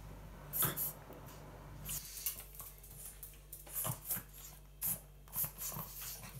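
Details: Female pug makes repeated short, snorting inward gasps in quick bursts, which the owner first thought was choking; rubbing her chest and neck did not stop it: reverse sneezing.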